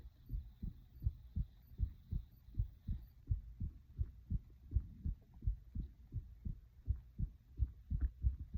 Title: my heart beating (with breathing and stomach noises)